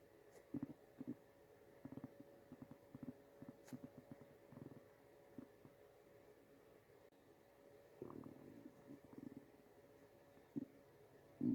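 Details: Soft, low gurgling and rumbling bursts over a quiet hum; ordinary stomach growling (borborygmi).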